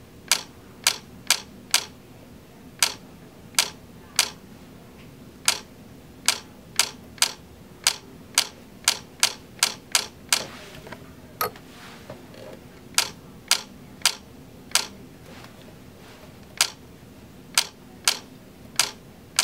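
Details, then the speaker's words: Ellex Ultra QR laser vitreolysis of an anterior vitreous floater close to the lens, viewed on and off axis: about 35 sharp, separate laser-firing clicks at irregular intervals over 20 seconds. "it doesn't work for posterior floaters but here we go little clicking sounds here okay"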